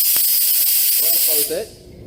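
A loud, steady rush of escaping gas for about a second, then brief voices: an oxygen regulator leak hiss from an improperly seated regulator.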